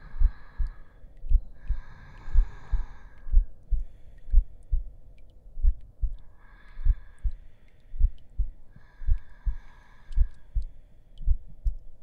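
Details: Simulated heartbeat in an ASMR roleplay audio, steady low thumping at about 55 beats a minute, with soft breathy sounds layered over it as the listener rests on a bed.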